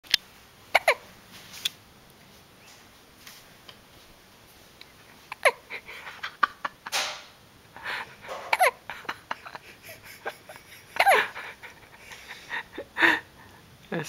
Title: Sleeping Hiccup